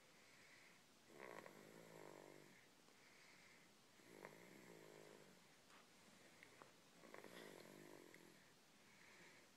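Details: Jones, sound asleep in his car seat, snoring: three rattling snores, each a long vibrating breath with a snorting edge, about 20 breaths a minute, with quieter hissing breaths between.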